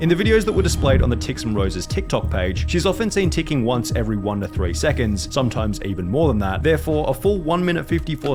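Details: Adult male narrator; normal speech.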